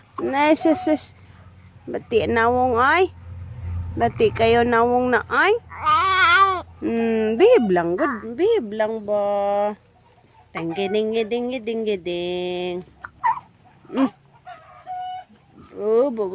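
Tonal wailing cries in bursts with pauses between them, rising and falling in pitch: an infant crying.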